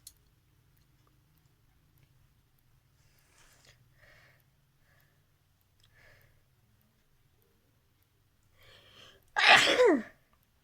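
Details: Sneezing challenge: quiet sniffs and breaths building up to one loud, explosive sneeze near the end.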